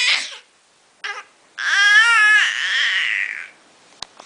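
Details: A young child gives a short, breathy pretend cough, learned while Dad was sick and used to communicate, then a drawn-out voiced babbling sound.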